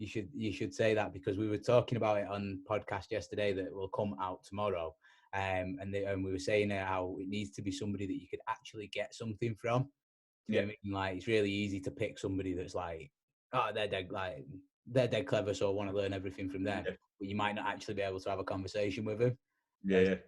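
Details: Adult man speaking; plain speech.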